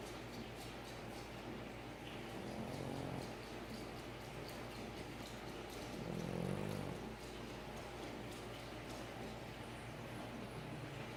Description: Cute dog (Princess Pandora the french bulldog) snores